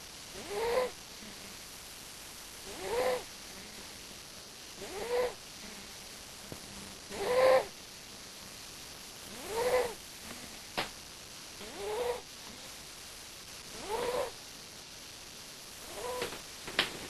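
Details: Sleeping cat snoring with short, soft whistling snores about every two seconds, around 26 breaths per minute; snoring.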